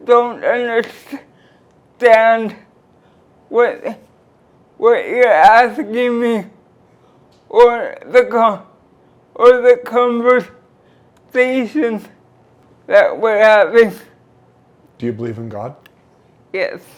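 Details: Dysarthria from cerebral palsy present since birth in a 46-year-old woman who uses a wheelchair.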